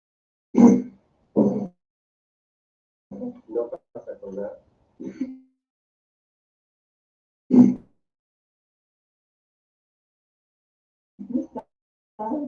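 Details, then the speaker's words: Chronic persistent cough present for at least 12 years (since before the pandemic), recorded with the patient's consent. Rhinosinusitis, reflux and asthma were worked up (spirometry, two-week peak-flow monitoring). Repeated dry, harsh single coughs and short bursts separated by pauses. "Es una persona que tiene una tos. Esto te digo hace por lo menos 12 años, ya, prepandémico."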